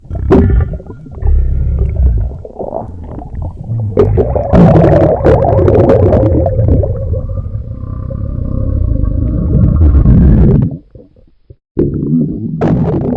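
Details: Loud, continuous gurgling and low rumbling from a bloated, full, sloshy stomach, with growling tones and burping: borborygmi with belching.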